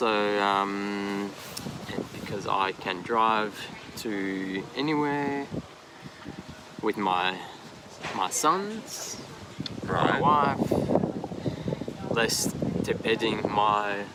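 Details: Man aged 39 with aphasia after an AVM stroke at 34, initially global aphasia, now described as more receptive, with right-side disability, speaking English in an interview; aphasia.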